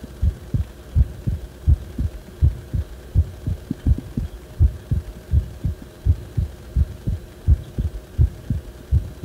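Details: Heart sounds recorded when the heart felt like it was acting abnormally: low, thudding beats at about 80 a minute, somewhat unevenly spaced, over a muffled humming background; abnormal heart sounds.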